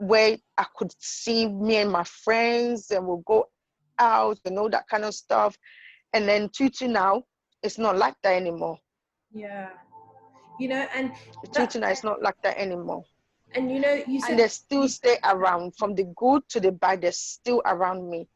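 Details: Adult woman with idiopathic intracranial hypertension and sight loss; the condition changed her speech, with difficulty saying even easy words; acquired stuttering.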